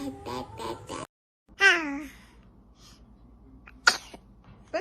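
A baby's short voiced sneeze, with soft baby sounds before it and a quiet room after; an ordinary infant sneeze.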